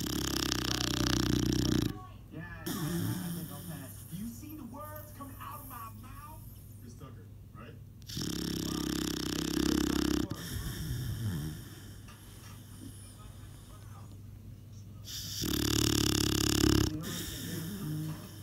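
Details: Loud, rough snoring from a sleeping dog with its mouth open, three long snores roughly every seven or eight seconds.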